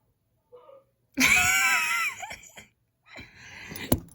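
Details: Adult man (father) heard through a home air vent: a loud, voiced, strained hiccup stretching into a brief wail, then short catches and a sharp click; hiccups.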